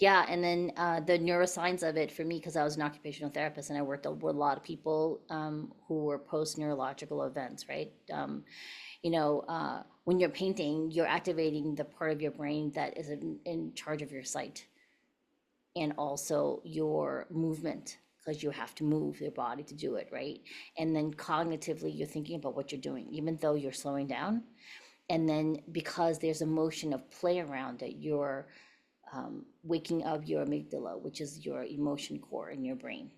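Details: Adult woman speaking; typical voice.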